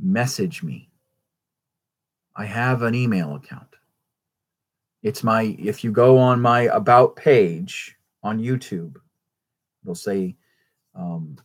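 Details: Stuttering in an adult male with a traumatic brain injury from a rollover car accident in England, who says he stutters all the time.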